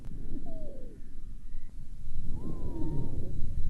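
Harsh breath noise with high-pitched whistling tones on forced expiration, typical dry expiratory wheezes.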